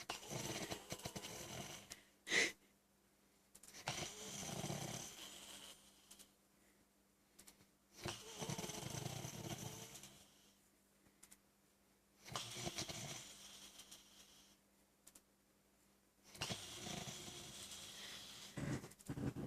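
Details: Sleeping person: harsh, raspy, loud snores about every four seconds with quiet pauses between, in a small room; snoring.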